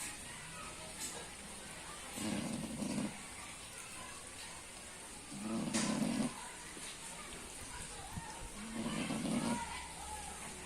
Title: Snoring Pig.......